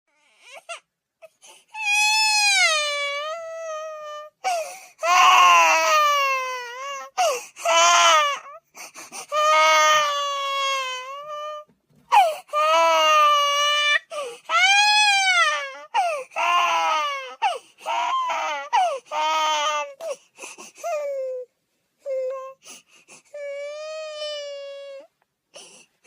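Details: Repeated wailing infant cry bursts with rising and falling pitch and short gasping pauses between them; a baby crying sound effect.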